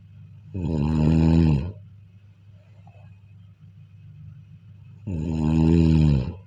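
Two loud, buzzing snores about four and a half seconds apart, with quiet breathing between; typical sleep snoring.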